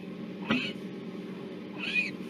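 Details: Stridor in a difficult airway patient from a neonatology tracheostomy case: two brief high-pitched squeaky breath sounds over steady room hum.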